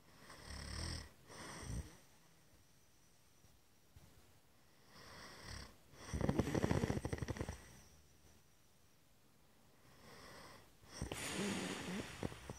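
Loud, rattling snores with quieter breaths in between, irregular in spacing, typical of snoring during sleep.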